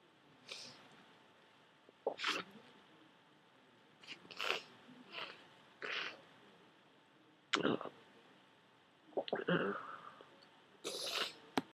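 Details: Several wet, congested sneezes with sniffles during a head cold, thick dripping nasal mucus after holding off blowing the nose; sneezing.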